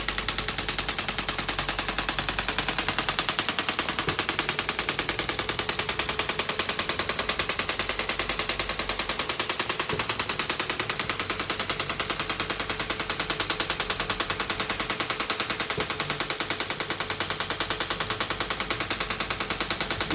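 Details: Steady mechanical tapping, about two to three pulses a second, from a shockwave therapy device on the heel of a patient with heel pain worse on long standing, third shockwave-and-laser session, intensity being adjusted.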